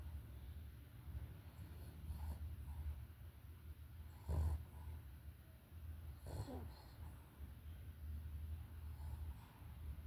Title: Minha cachorra tirando um cochilo e roncando é certo